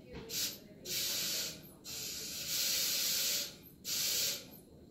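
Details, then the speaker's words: Anesthesia machine leak test: breathing tube occluded by thumb, oxygen flush filling reservoir bag until manometer reads 20; loud hissing oxygen bursts. "So I'm going to go ahead and fill up this bag until you see our pressure monitor, or pressure on our manometer is at 20."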